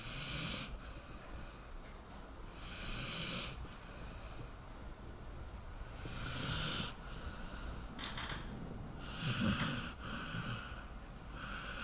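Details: Sleeping dog, soft hissing snuffly snores about 20 a minute with an occasional snort; snoring.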